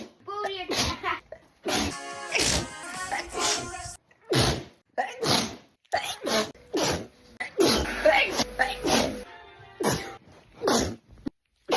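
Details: Sneeze compilation: a run of quick sneezes with breathy wind-ups and explosive bursts, some voiced, over background music.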